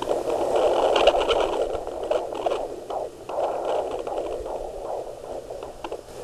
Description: Baby's heart beat on a Doppler Monitor at 15 Weeks.